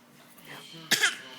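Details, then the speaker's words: Young child gives a single short, sharp cough on purpose while an adult teases about the fake "bad cough"; voluntary (fake) cough. "are you fake coughing you got bad cough oh poor baby got bad cough"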